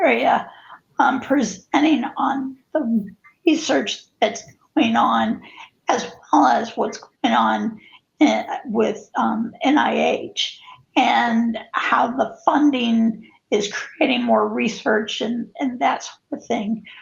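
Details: Spasmodic dysphonia, with co-occurring cervical dystonia affecting head and neck position; onset in 2017; adult woman.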